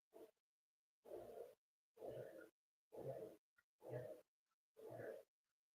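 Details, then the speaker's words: Loud, rough, grunting snores about once a second with silence between them, from a sleeping bulldog: snoring. "Did you guys hear that? That's not a human snoring. That's a dog story. That's literally that's literally the bulldog snoring."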